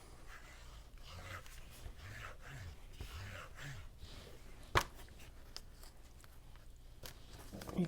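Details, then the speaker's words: Snoring from a dog in a quiet room: low, rough snores with an occasional click. "uh that's my snoring dog over there making that noise"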